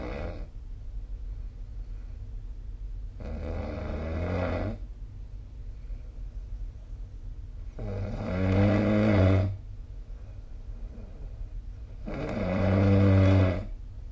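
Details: Snoring recorded with the SnoreLab phone app: loud, rough, rumbling snores with each breath, about 15 a minute, separated by quieter pauses; heavy snoring.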